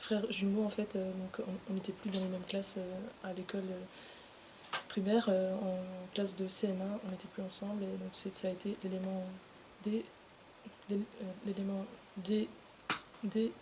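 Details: Adult woman who stutters; stuttering began at age 8 after she was separated from her twin brother in primary school; stuttering.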